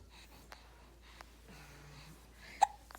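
Brief sharp hiccup sounds, one loud, in a quiet room with soft background voice; infant hiccups.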